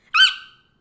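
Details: 14-year-old boy with mild Tourette syndrome, whose tics increase when he talks or thinks about them; involuntary squeak: simple vocal tic (squeak).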